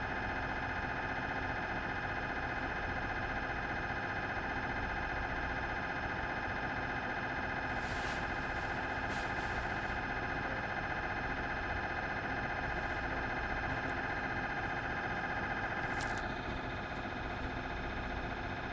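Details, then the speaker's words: Philips 1.5T MRI scanner recorded inside the scan room during imaging: loud continuous electronic droning and buzzing with rhythmic pulsing tones and a few sharp clicks; normal MRI scanner noise. "Vì vậy, không chậm trễ hơn nữa, chúng tôi mang đến cho bạn bộ sưu tập âm thanh Philips MRI được yêu cầu cùng với trình hiển thị âm thanh."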